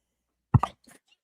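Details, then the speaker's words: Adult woman sneezing during a live stream, a small high-pitched sneeze she says sounds like a mouse. "Don't make fun of my sneeze. Whatever you do. And yes, I know it sounds like a mouse."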